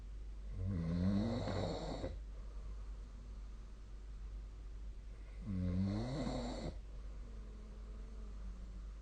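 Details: Snoring during sleep, recorded 2025-02-05 with a snoring-tracking phone app: two loud, low, rattling inspiratory snores a few seconds apart over a steady low room hum.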